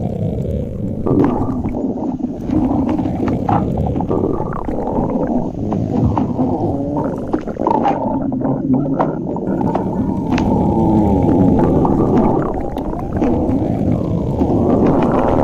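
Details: Continuous low gurgling and rumbling with bubbly, rising and falling tones: ordinary stomach growling (borborygmi).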